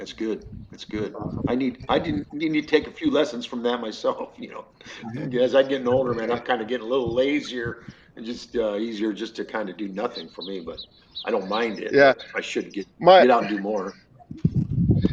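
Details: Adult man; conversational speech.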